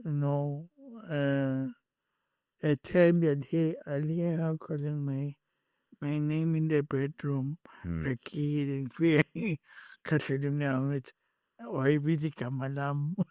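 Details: Adult male with cerebral palsy from birth, plus a head injury from a June 2000 car accident affecting his speech, walking and left-ear hearing; dysarthria.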